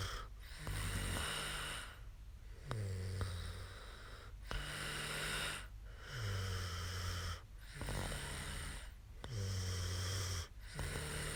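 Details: Adult woman snoring after falling asleep during a live stream; regular, low, rattling snores on each breath in, with quieter breaths out between them.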